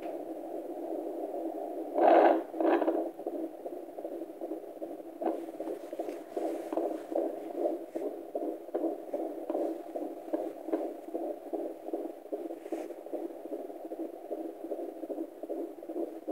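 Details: Fetal heartbeat at 26 weeks 5 days of pregnancy on Doppler: rapid, regular whooshing beats of about 150 a minute over a steady hum.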